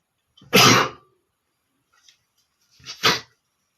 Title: sneezing male #8 (big and small sneezes)